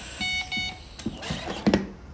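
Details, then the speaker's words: SapiVents emergency-use ventilator with resuscitator and corrugated tubing: repeated electronic beeps as the overpressure alarm sounds when the corrugated tubing is bent; the red-blinking silence button stops the sound, but the alarm persists two minutes until resolved. "for example to corrugate the tubing's got bracket it will detect overpressure and the alarm will sound to stop the alarm you can press the silence button blinking in red"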